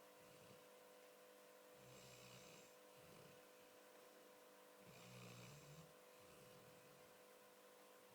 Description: My lovely 10yr old Labrador, Jack asleep and snoring but with his eyes open??!!! Weirdo! Bless him lol